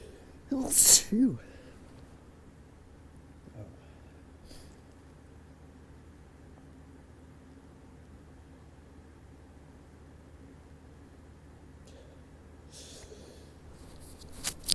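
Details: Allergic sneezing fit blamed on rising ragweed and high winds, sneezes coming stronger and stronger: one loud, explosive sneeze, then quiet room noise with faint breaths.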